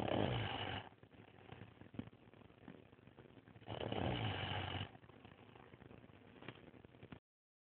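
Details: Adult Asian man snoring, recorded by his fiancée because he snores too much and loudly: two long, rough, rattling inhalations with quieter breathing between; snoring.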